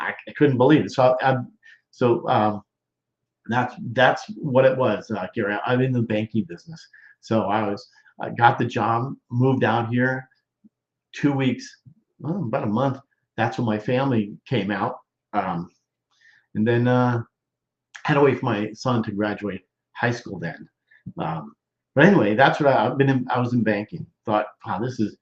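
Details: Male stroke survivor more than 13 years post-stroke with Broca's expressive, non-fluent aphasia, involving word-finding difficulty, trouble with function words and word substitutions, speaking English; expressive (Broca's) aphasia.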